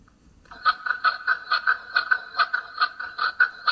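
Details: Rapid, rhythmic whooshing fetal heartbeat at about 140 per minute, recorded on Doppler during a prenatal ultrasound of a baby boy who was later stillborn.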